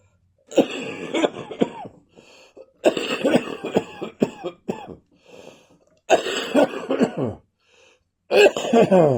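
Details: Four bouts of repeated, harsh adult coughing with brief pauses: a post-viral cough that continues after a viral illness.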